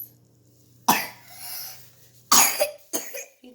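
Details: Ryan, an infant (sick baby), gives three short, wet-sounding coughs separated by quiet pauses; given honey and garlic, and the cough restarts when being sick is mentioned; ordinary cough during illness.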